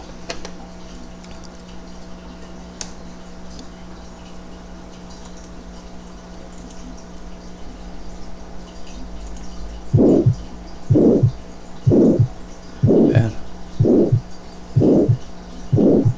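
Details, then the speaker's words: Simulated aortic stenosis at about 62/min: a harsh rhomboid (diamond-shaped) systolic murmur running up to a diminished second heart sound. The opening click is masked by the murmur, isovolumetric contraction is prolonged, and diastole is clean. "ruido tú aquí está el chasquido de apertura que está enmascarado por el soplo y el soplo romboidal 2 sobre romboide al que termina hasta el segundo ruido cardíaco"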